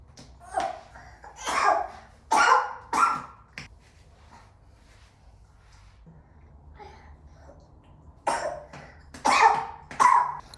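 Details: Two clusters of repeated harsh, wet-sounding coughs with a quiet gap between, from a feverish toddler (1 or 2 years old) with RSV; a deep chesty cough from a viral respiratory infection.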